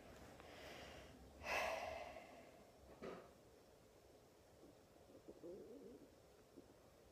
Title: Mac (with hiccups) trying to escape